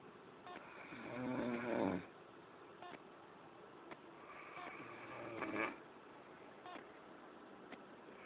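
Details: Two raspy, rattling snores on breathing in, about 16 breaths a minute, with faint clicks between; snoring.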